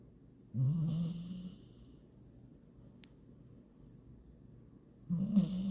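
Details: Sleeping female Staffordshire bull terrier (bully breed) rescue puppy giving two low, rumbling snores about five seconds apart, with quiet pauses between; snoring.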